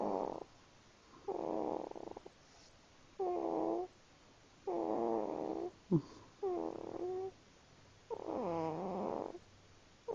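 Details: Sleeping small cat snoring in short, whistly, nasal bursts with each breath, about six in ten seconds.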